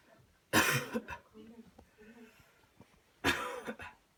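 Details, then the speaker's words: Person doing a demonstrated cough-clearance technique: counted deep breaths in and out, then coughing while an adult presses on the body; two forceful coughs separated by quiet breaths and soft voices; manually assisted cough. "and then I tell you to cough you cough and I'm press right here until you're done okay here we go"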